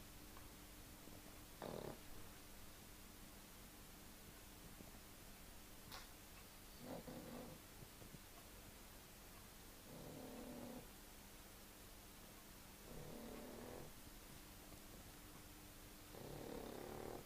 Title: pug sleeping and snoring